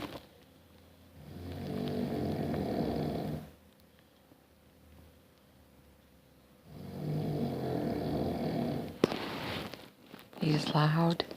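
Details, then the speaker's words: Adult man (husband) snoring loudly at bedtime: two long, loud, rumbling snores on the in-breath with quiet gaps between, then a brief rustle and a short voice. "Wondering how I'm going to sleep tonight. It's crazy. I'm getting tired, but I'm like, I know I'll never sleep through that."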